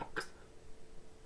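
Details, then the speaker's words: A single abrupt throat-like vocal noise from a person with Tourette syndrome, a brief simple vocal tic. "And there's also people complaining that, oh my god, what's that noises from? Why are you making noises like that? Ew, don't go hurt yourself. Tourette syndrome, man."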